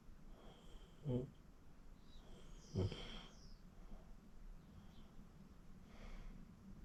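Two short, soft snorting snores over steady room hiss, then quiet breathing. Light snoring.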